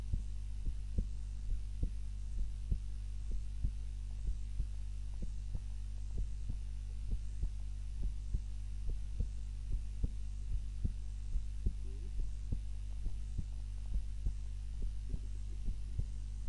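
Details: Heart sounds recorded on a timer during a nap, lying on the back rather than the usual face-down position; steady low thumps of a resting heartbeat under a constant hum, normal heart sounds.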